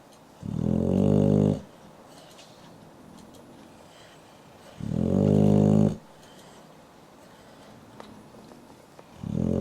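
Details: Sleeping dog snoring into a companion's face: loud, rough, rhythmic snores about every four and a half seconds, roughly 13 breaths a minute; snoring.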